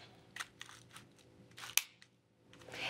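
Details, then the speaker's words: Several small handling clicks, then one sharp snap as a pharmacist slides down the cover of an Ellipta dry powder inhaler until it clicks, showing a dose is ready. "Para usar el DPI Ellipta, primero desliza la tapa hacia abajo hasta que escuches un clic."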